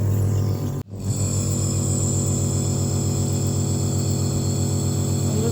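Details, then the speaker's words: Compressor nebulizer switched on after the nebulizer kit and mouthpiece or mask are attached, producing a fine mist: a brief click, then a loud, steady, low mechanical hum with rapid pulsing and a faint hiss, running normally. "Setelah dirasakan alat bagian nebulizer kit-nya eh cukup, kita akan menghidupkan pada main unit."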